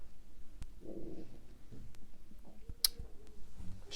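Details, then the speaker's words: Soft low gurgling bowel sounds with scattered faint clicks from an adult's stomach, picked up by a close microphone; stomach rumbling (borborygmi). "désolé si vous entendez mon ventre gargouille et j'ai mangé mes gars bouillante 733 au micro mais désolé"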